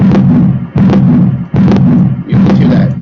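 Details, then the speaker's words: Regular heart sounds at about 77 a minute with a continuous rumbling noise, played in a classroom cardiac cycle lesson as an atrial septal defect (hole in the atrial septum). "let's see what it sounds like when there's a hole in the atria right between the two hole in the atria yeah versus that atrial septum"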